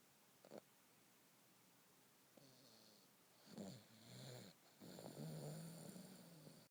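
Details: Baby snoring: soft, uneven snorting and rattly snores from a small sleeper, rising toward the end; ordinary sleep snoring.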